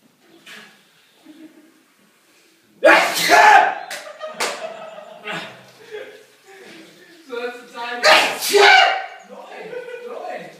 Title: Part 2 sneeze show